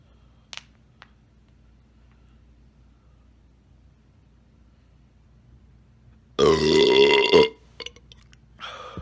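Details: Burp compilation: one long, loud, rumbling belch after quiet, followed by a smaller burst; ordinary burping.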